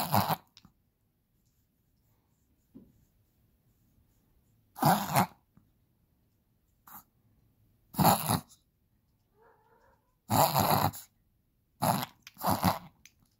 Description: My Chihuahua having a reverse sneezing attack. He normally only does this when he's excited but we think he was feeling sick which caused a reverse sneezing flare up.